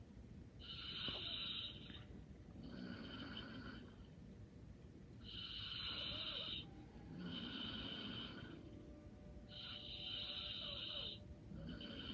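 Soft, hissing snore with each breath, about 13 breaths a minute, over steady room noise; light snoring.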